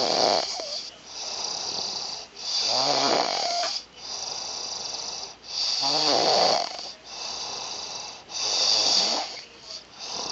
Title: Man Snoring In Bed Very Funny